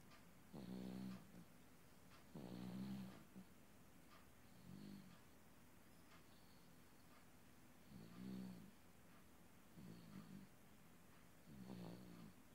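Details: Baby boy who fell asleep listening to water running from a faucet, snoring loudly during peaceful sleep: regular rumbling snores on each in-breath, about six over twelve seconds.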